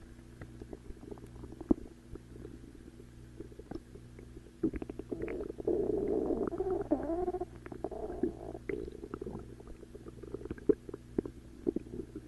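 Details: Stomach growling (borborygmi): low gurgling and bubbling from the abdomen, with a longer rumbling growl in the middle.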